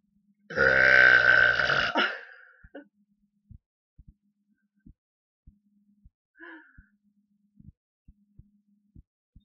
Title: burping randomness bwahaha